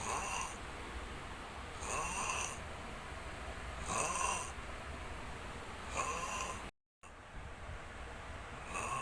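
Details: Long snoring: loud rattling snores on each breath in, about 30 a minute, over steady room noise; ordinary snoring.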